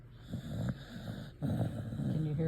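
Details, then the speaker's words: Sleeping dog named Beebes, possibly dreaming of running, after a thunderstorm: low rumbling, rough breath sounds with snoring on the breaths. "She's snoring. She must be running or something in her sleep."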